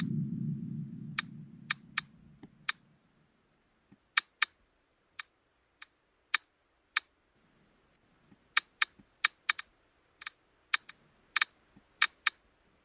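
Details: Software-simulated ear clicking of middle ear myoclonus (stapedius and tensor tympani), generated to share what a sufferer hears: irregular sharp clicks in bursts.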